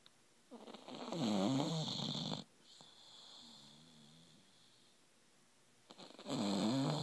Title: Snoring bulldog